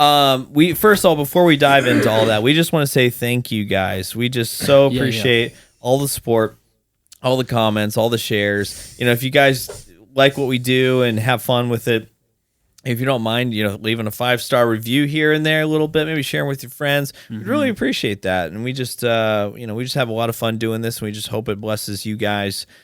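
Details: Adult male speaker; normal speech.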